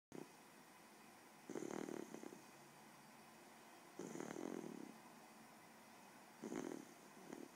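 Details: Miniature bull terrier; three rattling snores on inhalation, about 24 a minute, with quiet pauses between in a calm room; snoring.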